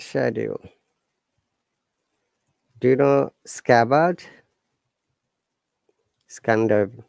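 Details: Adult speaker; no disorder.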